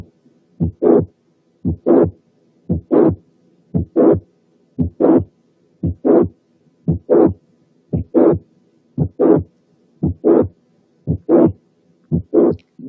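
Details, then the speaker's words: Late systolic murmur of mitral regurgitation: regular heartbeat near 57 a minute, early systole clear, then a murmur starting mid-systole and running into the second sound. "مثلا ساعات الميرمر بتاعة الماترال انكومبتنس بتكون ليت سيستوليك، يعني النص الأول من السيستلي فاضي، والميرمر بتبتدي في النص الثاني وتوصل للسكند هارت ساوند، زي المثال الآتي."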